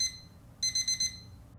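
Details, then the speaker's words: Lumis 100/150 home non-invasive ventilator for a child: a high-pitched tone followed by four rapid piercing beeps, signalling a problem such as a detected leak; it can be silenced by pressing the dial but recurs if unresolved; ventilator alarm. "vous pouvez couper l'alarme en appuyant une fois sur la molette mais celle-ci sonnera de nouveau au bout de quelques minutes si le problème n'est pas"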